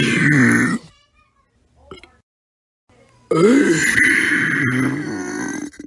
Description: Large compilation of burps.